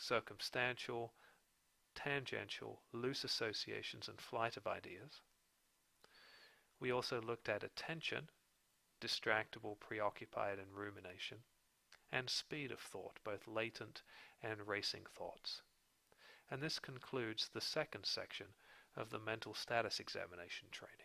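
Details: Adult male narrator; typical speech.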